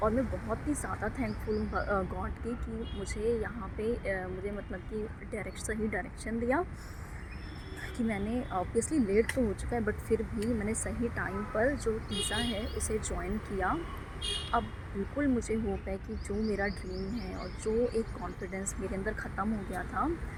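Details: Adult woman speaking Hindi with stammering since school days, with blocks, sometimes severe and sometimes mild; stuttering.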